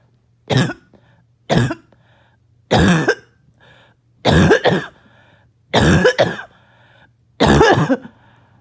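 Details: Six harsh, loud barking cough bursts about a second apart, some doubled, with a choking quality; started by an itchy nose and throat.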